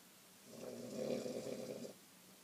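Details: Adult woman snoring in bed: a single low, rattling snore on one breath, about a second and a half long; ordinary snoring during sleep.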